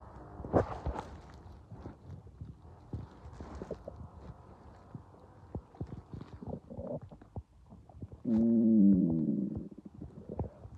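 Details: Child's stomach growling: irregular gurgles, clicks and a longer tonal rumble; ordinary bowel sounds (borborygmi).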